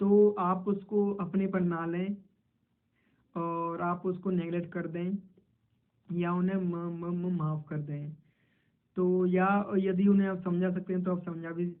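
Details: Hindi-speaking man who describes himself as a person who stutters, in a role-played stammering interview, with part-word repetitions; stuttering.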